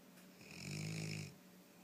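A single brief snoring breath with a low rumbling buzz and faint whistle in a quiet room.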